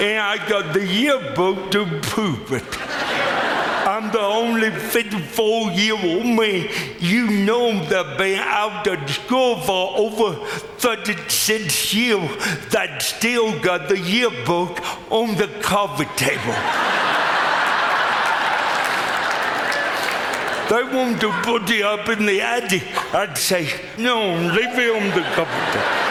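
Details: Adult male with lifelong cerebral palsy; speech described as pretty dramatically affected and possibly difficult to understand at first, with forming words the toughest part for him; dysarthria (cerebral palsy).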